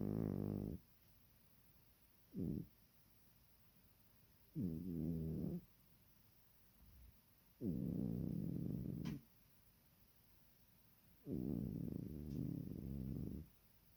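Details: Loud, rattling snores from a sleeping cat, about five over fourteen seconds, with quiet pauses between breaths.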